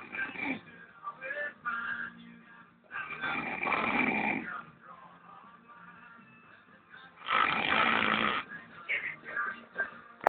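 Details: Old man snoring, real recording: loud, rough snoring in irregular bursts with a steady background hum.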